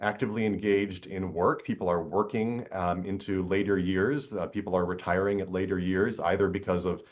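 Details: 81-year-old woman, former film actress, about 50 years after earlier recordings: lower pitch, raspy, rough, breathy voice with vocal tremor, likely essential tremor acquired with age; recording setting and emotional topic may also contribute; aged voice (presbyphonia) with vocal tremor.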